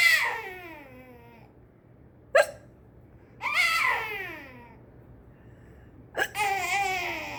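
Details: Infant boy squeals and whimpers, broken by two sudden sharp hiccups about four seconds apart; ordinary infant hiccups.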